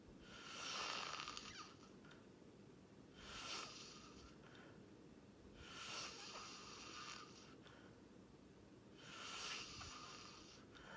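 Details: Four harsh, noisy breathing bursts recur about every three seconds, roughly 20 a minute, with quieter gaps between, from a person asleep; snoring.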